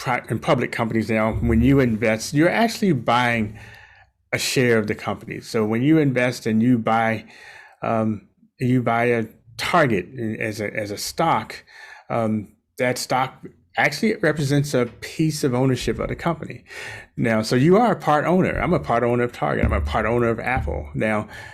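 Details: Adult male speaker; normal speech.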